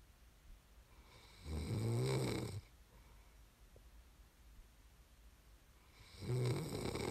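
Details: Two loud, low, rattling snores about four and a half seconds apart, with quiet breathing between; ordinary snoring during sleep, from an ASMR snoring recording.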